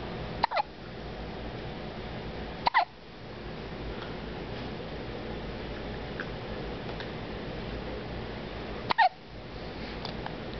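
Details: One-week-old baby with hiccups: three abrupt, sharp hiccups roughly every two to six seconds over steady background hiss.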